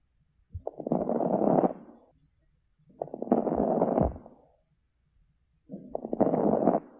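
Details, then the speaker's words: Adult lung auscultation: three breaths over about seven seconds, each filled with fine popping, crunchy noises like crinkling wrapping paper, wet or junky from fluid; crackles (rales). "We call it that the lung sounds sound wet or some people say junky. The lungs sounds really junky because that's fluid."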